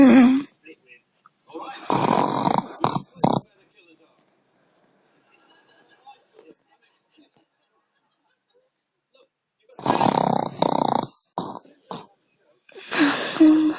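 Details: A man in deep sleep producing loud, harsh, pig-like honking snorts in bursts separated by long silent pauses; heavy snoring.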